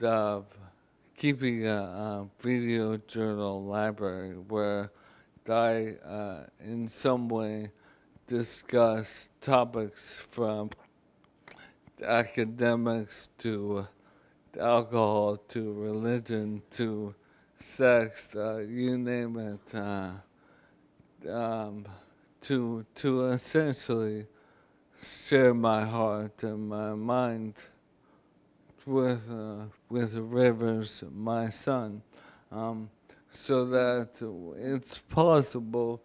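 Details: Adult man, former professional football linebacker, with ALS diagnosed January 2011, speaking in May 2012 (about 16 months after diagnosis); terminal, given 2–5 years; dysarthria (ALS).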